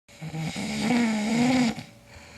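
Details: Sleeping man snoring loudly; the uploader suspects borderline sleep apnea. One loud, drawn-out, rattling snore on the in-breath, then quieter breathing.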